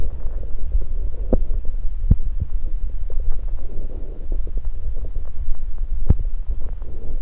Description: Today's video, I record my tummy as I drink some Sunkist sodapop and burp.